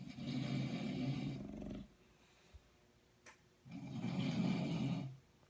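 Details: Sleeping subject snoring: two long, rough, low rattling inhalations with a quiet pause between them, about 20 breaths a minute. Snoring.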